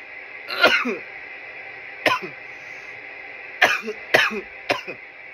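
Five harsh, dry cough bursts, some in quick pairs, over steady background hum; irritant coughing after inhaling smoke.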